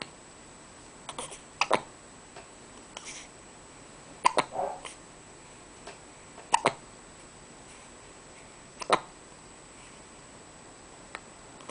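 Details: Person hiccuping with eyes open: repeated short, sharp gulping catches at irregular intervals, about six in twelve seconds, over faint steady background hiss; hiccups.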